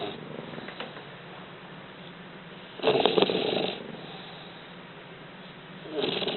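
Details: Two English Bulldog puppies napping, with rough, snorting breaths and louder snore bursts among quieter breathing noise: snoring during sleep.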